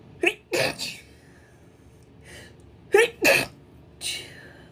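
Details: Girl sneezing in two pairs of sharp, explosive bursts, each preceded by a quick intake of breath; repeated sneezing.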